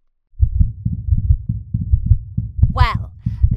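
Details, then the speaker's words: Soft, fast, uneven low thumps with a brief squeak: a simulated cartoon stethoscope effect on a pregnant cat about to give birth, said to be four heartbeats. "listen to that you have four heartbeats and a large tummy"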